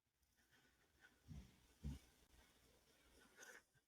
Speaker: You hear the snoring in the background. That's my old lady dog.